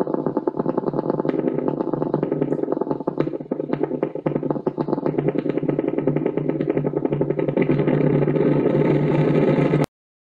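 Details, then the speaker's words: Normal needle EMG from a patient: crisp popping motor unit discharges growing denser into a full crackle as the patient applies more force, showing full recruitment. "also try to evaluate the recruitment pattern at the end of the video when the patient is asked to apply a bit more force and the screen fills with a large number of"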